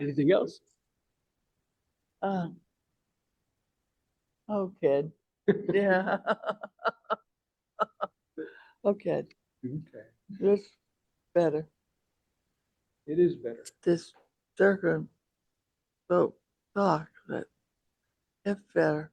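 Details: Male stroke survivor with aphasia, support group member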